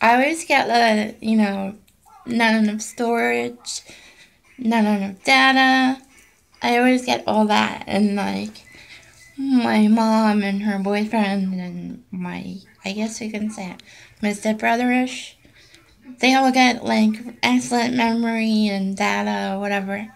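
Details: Voice tremor from essential tremor in an adult woman.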